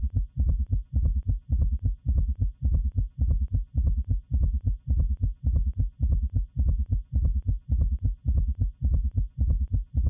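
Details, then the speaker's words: Teaching auscultation recording of fast, regular low heart sounds at about 107 a minute, each cycle carrying a loud extra low thud in a galloping rhythm: summation gallop. "Finalmente lo que vamos a escuchar es un ritmo de galope de suma."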